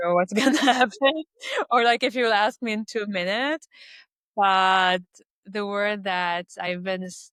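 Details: Adult Lebanese woman who stutters and speaks three languages; stuttering.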